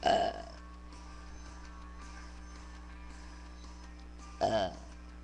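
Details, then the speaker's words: Person deliberately burping after practicing all day and feeling nauseated: two short voiced belches, one at the start and one near the end, separated by quiet over a steady low hum. "I've been like burping all day and I've been practicing and everything and I'm just like really nauseated from doing it so much"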